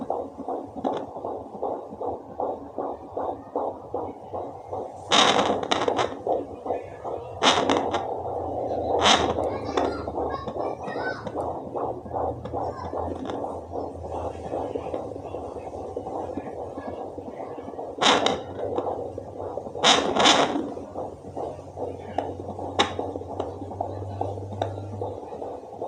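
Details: Fetal heartbeat on a home fetal Doppler: rapid rhythmic whooshing pulses at about 150 a minute.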